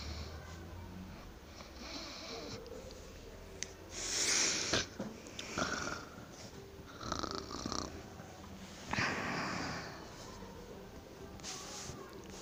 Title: Snore last night♥